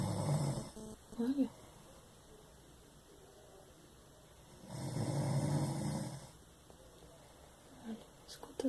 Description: roncá muito